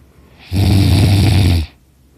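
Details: Person napping on a couch who snores very loudly and says snoring makes the throat hurt a little: one loud, low, rattling snore lasting about a second, with fluttering vibration in a quiet room.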